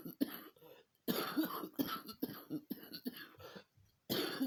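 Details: Several harsh, rough cough bursts in a quiet room, some with a throat-clearing quality; repeated coughing.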